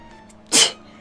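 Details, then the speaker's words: Adult sneezing during a livestream after announcing an imminent sneeze, says they always sneeze twice in succession: a single sharp, hissing sneeze burst lasting about a quarter second. "two i always sneeze in succession okay you didn't hear that"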